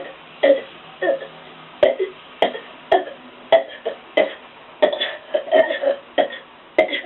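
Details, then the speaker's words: Deliberate voluntary burping in a one-minute challenge reaching about 106 burps, leaving the person lightheaded: a rapid, uneven run of about thirteen burps in seven seconds, roughly 100 a minute. "I'm gonna see if I can get 100 bursts in 1 minute. It's gonna be really hard. Hope I don't puke."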